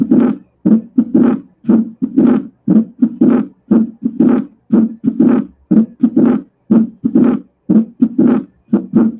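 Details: Regular heart sounds near 60 a minute with a harsh, vibrating diastolic murmur of pulmonary regurgitation from pulmonary hypertension; Graham Steell murmur.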